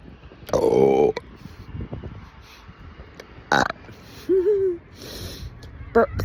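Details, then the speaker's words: Several loud, deliberate voiced burps from an adult woman over 50, separated by quiet pauses, one long and low and the others brief; burping. "Check. Burp. Burp. Santa."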